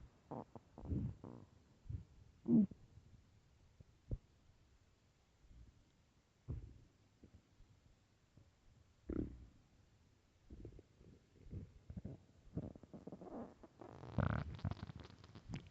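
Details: Extremely loud hunger stomach growls from an empty stomach: quiet, irregular low gurgles and rumbles with a longer growl near the end; borborygmi, a normal bowel sound.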